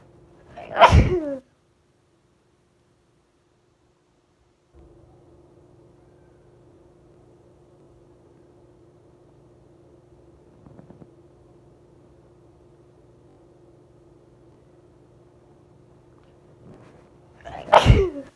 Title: Sneezing Just for you